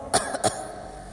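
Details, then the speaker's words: Two short, sharp coughs in quick succession from an adult, made with the mic switched off during a pause between short phrases of the call to prayer; faint room noise between them. "berhenti sebentar itu saya gunakan untuk batuk ya jadi micnya saya offkan seperti ini"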